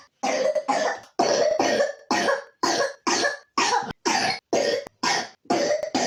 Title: 3 year old pneumonia coughs